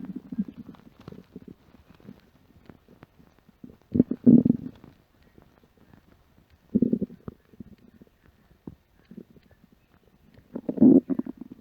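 Several loud, low gurgling growls with quiet stretches between, typical stomach rumbling on an empty stomach; a normal finding.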